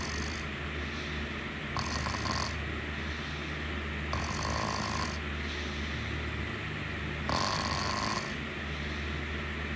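Rasping snores every few seconds over steady loud background hiss: snoring during sleep.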